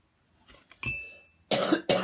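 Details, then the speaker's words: Adult coughing after a hit from a bowl, trying to hold the cough back: a brief whistling nasal squeak, then two harsh, explosive coughs. "it's like I'm trying to stop myself from coughing out the head I guess sorry and you're going to get all my coughing today"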